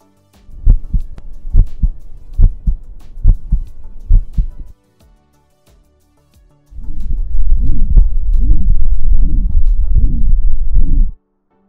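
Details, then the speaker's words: Regular low thumping heartbeats, then after a short gap a louder, more muffled run of beats, heard through a digital "super stethoscope" that records heart sounds and ECG together for algorithm-assisted and remote diagnosis. "doctors use conventional stethoscopes to examine a patient's heartbeat using their own ears combined with knowledge and experience the super stethoscope visualizes the heartbeat and simultaneously collects electrocardiogram data"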